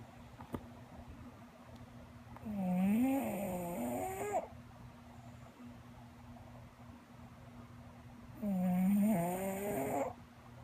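Slow, rumbling, whistling snores from a sleeping flat-faced dog, two long snore breaths about six seconds apart over a steady room hum.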